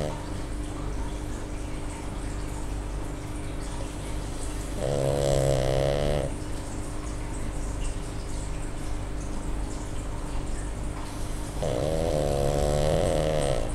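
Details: Tired Pug dog, female, snoring while asleep: two long, harsh, fluttering snores over steady room noise.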